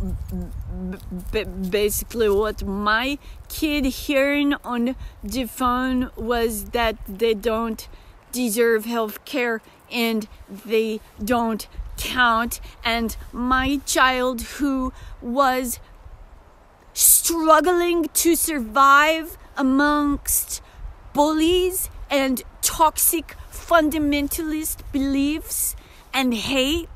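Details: Disabled woman with self-described aphasia episodes that occur several times a day, sometimes briefly; aphasia with foreign-accent-like speech.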